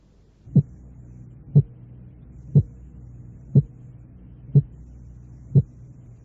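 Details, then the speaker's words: Simulated teaching sequence, six regular beats at 60 a minute, each a closely split heart sound with a 0.02 s interval between components; split heart sound. "el intervalo de 2 centésimos de segundo"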